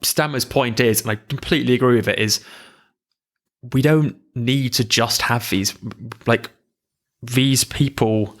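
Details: Adult who stammers, in conversational speech; stammering.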